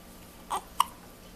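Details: Awake baby girl with hiccups, also sneezing: two brief, abrupt catching sounds typical of hiccups. Baby hiccups.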